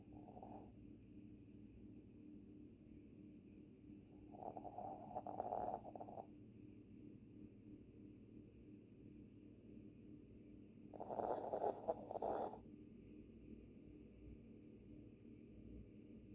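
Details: Two long, rough, snorting snores about six seconds apart over steady room hum from a sleeping small dog; snoring.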